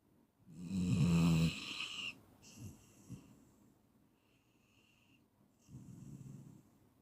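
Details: Clean snoring recording for sleep induction, from a 15-minute track: a loud, low rattling snore on the in-breath, a quieter breath, then another softer snore beginning.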